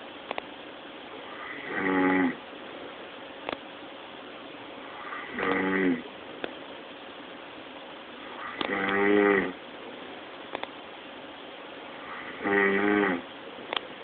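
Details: Man snoring loudly: rough, rattling snores on each inward breath, four in about 14 seconds (roughly 17 breaths a minute), with steady background hiss.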